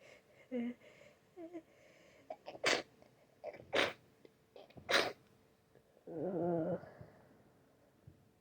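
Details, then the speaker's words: Three loud sneezes, each with a short intake before, then a wet sniff and a brief nasal groan, from a sick, snotty person complaining of a very itchy nose and ears needing to pop; sneezes. "My nose is so itchy. So itchy right now. I'm gonna sneeze again."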